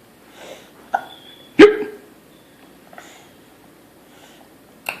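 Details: Quiet room with a few short, abrupt gasping catches, one louder and sharper, from a 1-year-old boy after eating who finds them funny; hiccups.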